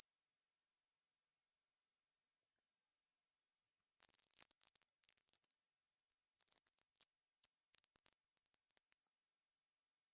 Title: Hearing test. When does the sound stop?